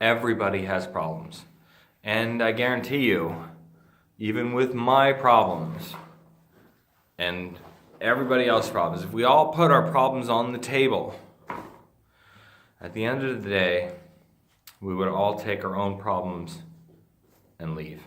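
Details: Adult man with Friedreich's ataxia, a degenerative neurologic disease that he says slurs his speech and impairs swallowing. Finding: ataxic dysarthria.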